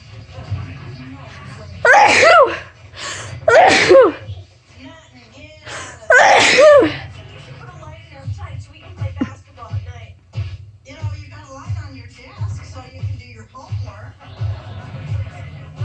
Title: The sneezing in the background was me